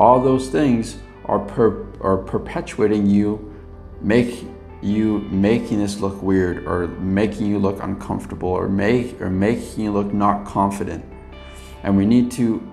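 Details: Adult man who has stuttered much of his life, previously with blocks, and still stutters occasionally with mild repetitions and prolongations; stuttering.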